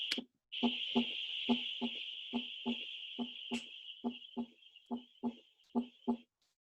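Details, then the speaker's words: Heart sound recording in a cardiovascular exam talk: regular rhythm about 70 per minute with a soft extra early diastolic filling sound, third heart sound (S3), pathological except in pregnant women and children. "tenemos el r3 que como dijimos era patológico excepto en embarazadas y niños cierto y se escuchas de la siguiente manera"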